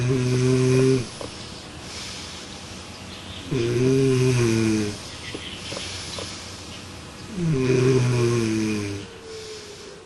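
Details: Loud low rattling snores on each inhalation, about 16 a minute, with quiet exhalations, recorded during a sleep experiment with a smart snore pillow; snoring.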